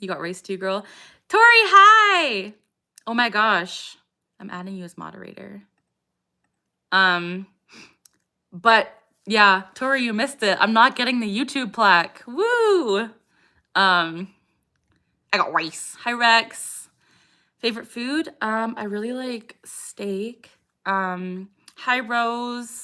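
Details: Adult woman with Tourette syndrome; a vocal tic phrase interrupts her speech; vocal tics (Tourette syndrome).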